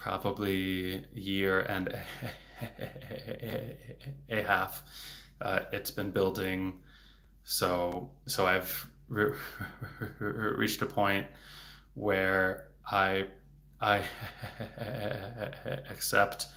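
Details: Adult male speech-language pathologist who stutters, speaking in a livestream, with word repetitions; stuttering.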